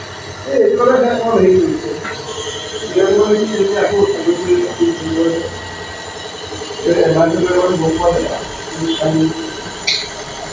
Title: Taking Nebulization# relief cough